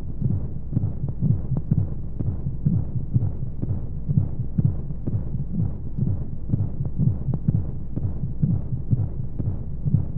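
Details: Womb-sound sleep aid for babies: soft, muffled low heartbeat thumps repeating at a regular rate under a constant whooshing white noise, as heard inside the womb; heartbeat.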